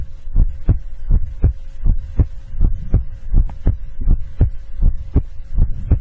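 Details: Heartbeat ASMR recording: steady paired heart thumps at about 80 beats a minute with a faint constant hum behind them.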